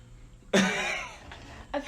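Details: One loud, harsh cough burst that trails off, then a small second burst, from throat irritation after eating ghost pepper spicy chicken noodles in a challenge; cough.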